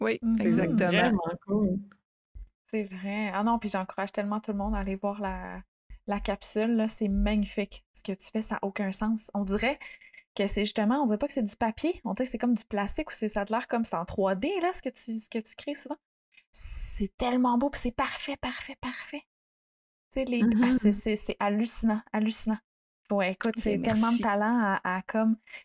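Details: Adult woman speaking French; fluent speech.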